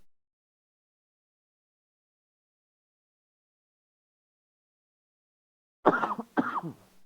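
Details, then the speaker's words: Golfer with bad allergies coughing: long silence, then two short, sharp cough bursts close together near the end. "apologize about the coughing. My allergies have been so bad. I'm allergic to air, like legit, just allergic to the air."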